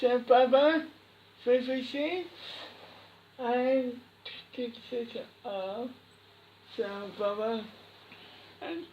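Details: Speech of a boy with cri du chat syndrome.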